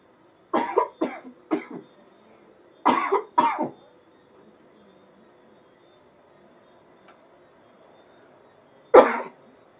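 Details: Acted coughing-up-blood prank on wife by an adult: six harsh cough bursts, five in quick succession and one after a pause; acted cough.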